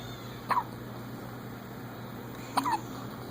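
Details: Day-1 newborn hiccups: two short, sharp hiccups about two seconds apart over a quiet room hum.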